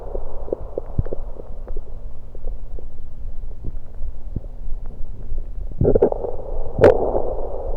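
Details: Stomach bowel sounds recorded while gulping Diet Pepsi, with burps.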